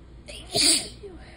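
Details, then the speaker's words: single sharp, hissy sneeze with a short voiced burst, announced beforehand, during an allergy sneezing fit in a person with a running nose and hoarse throat. "I'm just we're gonna we're gonna sneeze"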